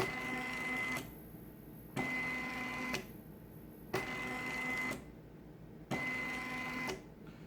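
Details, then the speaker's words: Homemade artificial respiration machine with adjustable flow and volume, no patient attached, as its flow setting is changed: cyclic mechanical whirring alternating with quieter pauses about 30 times a minute. "De plus, comme je vous ai dit, le débit il est variable. Là, je vais augmenter le débit."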